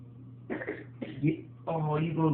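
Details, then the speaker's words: Child (grandson) giving two or three short, forced cough-like bursts, then a voiced sound; a deliberate, put-on cough after being caught taking cough drops. "you gonna cough like that in front of me?"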